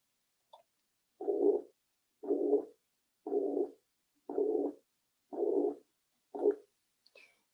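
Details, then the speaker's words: Mitral regurgitation (mitral insufficiency) murmur: six regular blowing murmurs at about 57 per minute, each filling systole. "vamos agora ouvir o som produzido pelo sopro causado pela insuficiência mitral"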